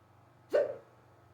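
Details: Sudden, unusually severe and rapid hiccups on waking in the morning, an episode lasting almost 20 minutes. Here, a single sharp, abrupt vocal hiccup with a brief trailing tail against quiet room noise.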